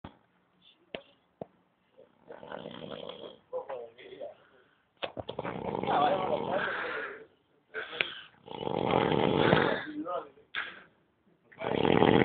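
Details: Raspy, rattling snoring breaths in repeated bursts from a sleeping person after a guitar party, with people talking in the background.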